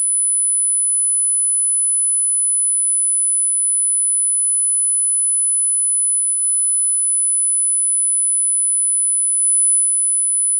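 A steady, very high-pitched pure tone is played throughout, used as a high-frequency hearing age test tone matching hearing typical of people in their sixties.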